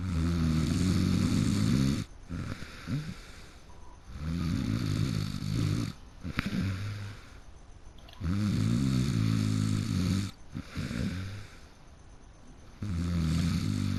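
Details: A person who fell asleep mid-game snoring heavily, with loud, rough, rattling snores on each breath in, about three in 14 seconds, and quieter breaths out between.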